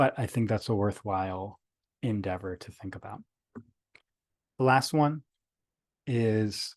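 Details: Adult male speaker; stuttering.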